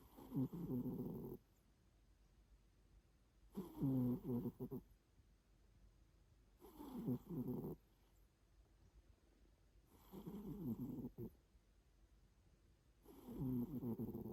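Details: Loud, rough, rattling noises about a second long, repeating roughly every three seconds with quiet gaps; owner unsure whether a pet cat is snoring or grunting. Snoring.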